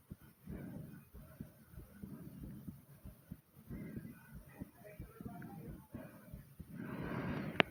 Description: my heart is beating fast and my breathing is hard like comment subscribe and enjoy #heartbeat #breathing #Asmr